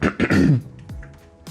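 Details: An adult man clears his throat in several harsh bursts, then gives a faint brief cough.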